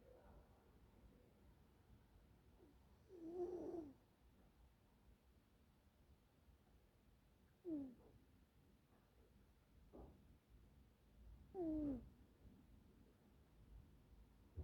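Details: Three soft, squeaky, falling-pitch snores from a sleeping cat, spaced several seconds apart in a quiet room; snoring.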